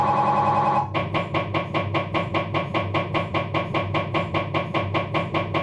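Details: Abdominal MRI on a Philips 1.5T scanner, diffusion sequence: a brief tone, then rapid regular knocking at about 150 per minute, normal MRI scanner noise.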